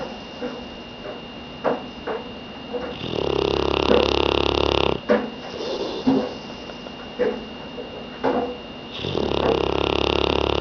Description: Friend's dog Chevy asleep on the couch snorning